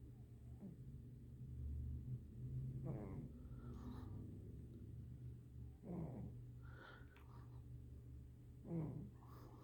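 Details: Sleeping cat snoring: soft, low, rattling snores about every three seconds, near 20 breaths a minute, over a steady low room hum.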